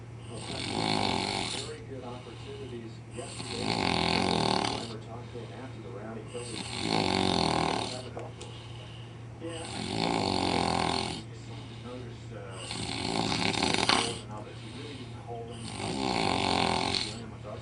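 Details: A deliberate imitation of a pig-like snore: loud rhythmic snorting about every three seconds, not true sleep snoring.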